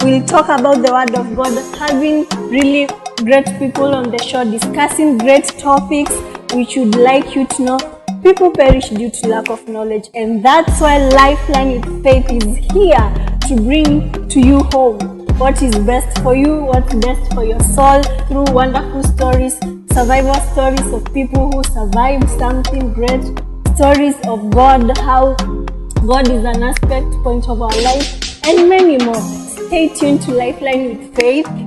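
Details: Adult female speaker; fluent speech.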